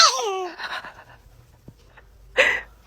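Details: A baby's laughing squeal, then one short, sharp sneeze burst near the end; baby sneezing.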